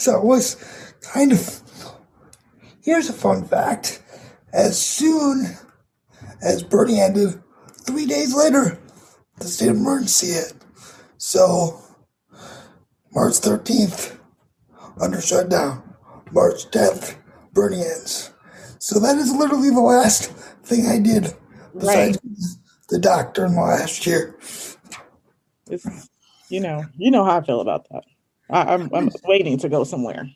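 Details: 22-year-old man with cerebral palsy affecting his muscles; he says tighter muscles make talking more difficult; dysarthria due to cerebral palsy.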